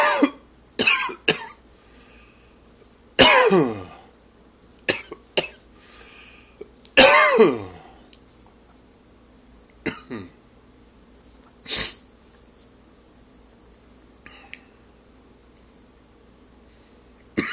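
Several harsh, rough adult coughs with throat-clearing sounds, typical of an irritated smoker's or allergy cough.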